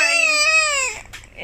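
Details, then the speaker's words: Baby boy crying amid talk of him calling "mama": one loud, clear infant wail of about a second fading into a whimper; an ordinary infant cry. "No, he looks so cute when he's crying."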